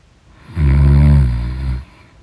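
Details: Loud, low, rattling snore on the in-breath, lasting a little over a second, during deep sleep; snoring.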